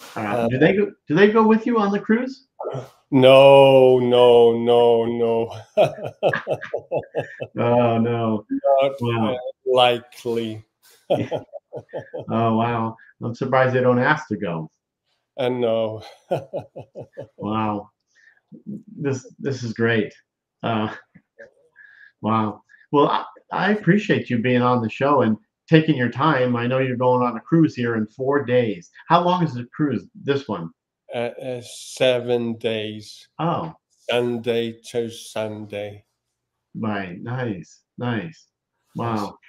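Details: Man with aphasia, possibly after stroke (stroke websites and one-handed tasks mentioned), reports he no longer gets frustrated when words don't come out; aphasia.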